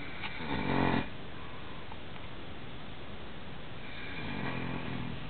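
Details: Father asleep snoring: a loud, rough snore on a breath, then steady room noise before a second, quieter snore begins.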